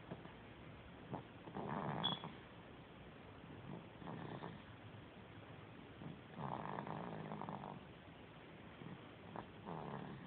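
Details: Snoring, recorded in early October, faint and needing higher volume: soft, rough, rumbling breath noises recurring every few seconds in a quiet room; said to sound like his mother.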